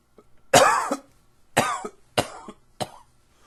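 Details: Allergy-related cough: four dry, harsh coughs spaced about half a second to a second apart, each fading quickly.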